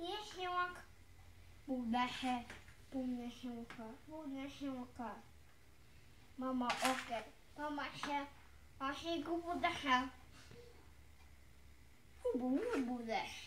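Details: Autistic child repeating the same phrases while arranging dominoes, replaying exact scenes, parent redirecting toward dialogue; once struggled to produce single sounds, now speaks quickly; delayed echolalia.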